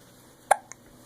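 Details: Infant making a single sharp, brief hiccup with a faint follow-up click in a quiet room.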